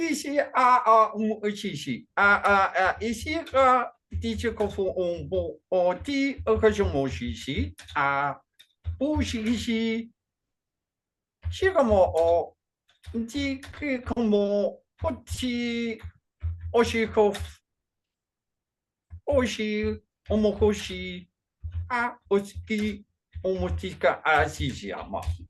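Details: Adult male with functional neurological disorder and foreign accent syndrome, during a bout of gibberish speech; the accent has changed between types (today described as Chinese) since onset around 2019 alongside non-epileptic seizures, and is more jumbled with strong emotions.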